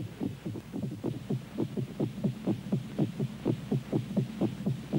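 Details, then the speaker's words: Heartbeat recorded with a tiny microphone inside a living body: rhythmic, deep whooshing thumps in paired beats, about 120 a minute, as the heart's double pumping action drives blood through the system under great pressure. "the heart's double-barrelled pumping action propels blood through the system under great pressure this is how it sounds recorded with a tiny microphone inside a living body"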